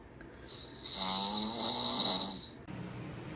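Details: Woman's own night-time snoring, recorded before she bought an anti-snoring aid: one long, loud, rattling inward snore with a whistling edge, then quieter breathing.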